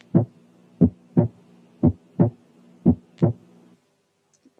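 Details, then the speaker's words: Teaching auscultation recording: paired heart sounds at about 60 a minute with the second sound much louder than the first and ringing; accentuated second heart sound. "لكن إذا كان الانتنسيتي of the second sound أعلى كتير من الفيرست بيكون accentuated، وخاصة إذا كان له رنة زي المثال الآتي."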